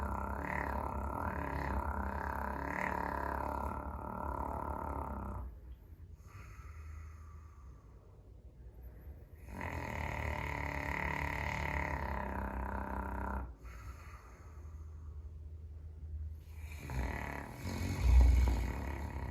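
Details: Deep, rumbling snores in long cycles, several seconds of vibrating noise on each in-breath with quieter pauses, from a large Caucasian Shepherd (Ovcharka) dog sleeping in an entryway, fairly mild this time: snoring.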